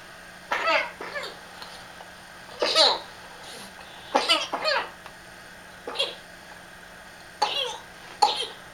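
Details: Child, girl, in one of her nighttime coughing fits: a run of about eight short, dry coughs, some paired.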